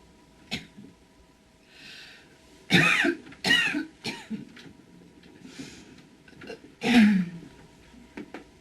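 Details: Acted cough by an adult actress in a quiet room: several sharp, forceful cough bursts with throat clearing and breathy inhalations between them; cough.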